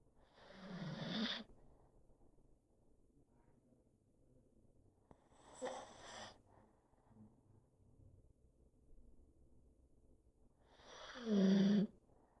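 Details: Pug sound asleep on owner's lap, snoring: three loud snorting snores with a low rumble, spaced by quiet pauses.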